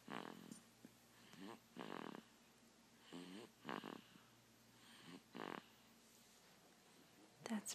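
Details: Sleeping dog: repeated short, buzzing, grunting snores with quiet gaps in a small room; snoring.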